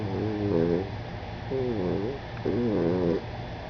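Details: Rapid, wavering snores with a whistly, squeaky edge over a steady low hum from a small animal (Bertie) resting nearby during a conference call; snoring.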